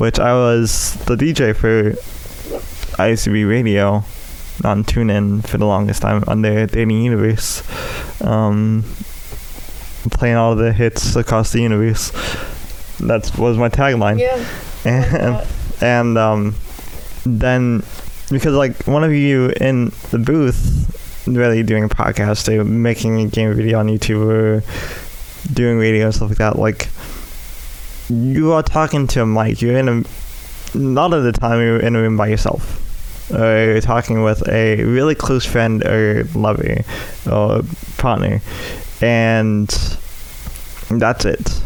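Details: Adult male with cerebral palsy affecting the right side of his body, which he says causes his speech impediment; speech impairment (cerebral palsy).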